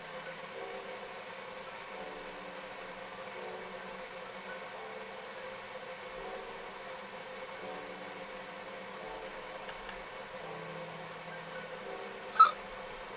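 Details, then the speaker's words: A steady low room hum with faint background tones, then one sudden, sharp, brief burst near the end: a single hiccup from an adult. "I got hiccups. Did you hear that? Did you hear that? That was crazy."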